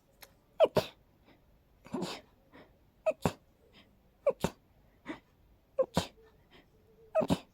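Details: Person extremely allergic to daisies sneezing after smelling them: a rapid run of sharp sneezes, each with a quick catch of breath, about six in under eight seconds; sneezing.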